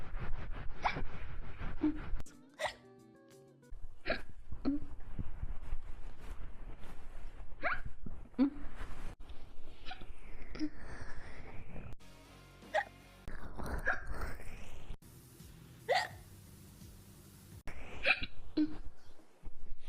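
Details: Hiccup compilation from a VTuber: repeated short, abrupt voiced gulps at irregular intervals, with edits between them and faint background sound.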